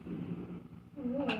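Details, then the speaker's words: Low rolling rumble followed by a rising, squeaky gurgle after eating, likened to thunder: stomach growling (borborygmi). "wow it sounds like thunder I've eaten I'm not dying"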